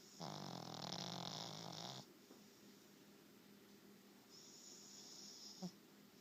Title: Dog snoring!